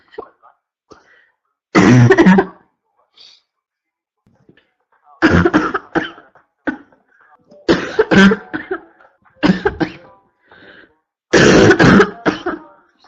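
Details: Adult woman: repeated loud, harsh constant cough bouts with a barking quality and quiet pauses between them; barking cough.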